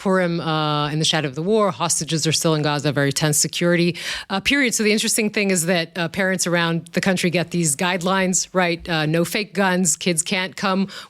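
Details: Adult speaker; normal voice.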